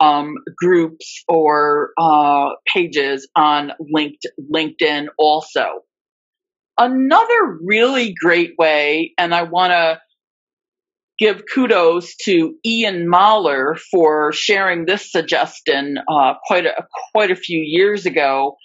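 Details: Adult woman who stutters, real speech, formerly a covert stutterer for more than 30-35 years; repetitions of words and part-words; stuttering.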